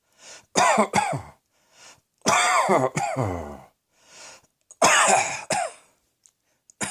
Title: Cross Dressing Coughing 71